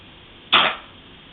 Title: pug zoey coughing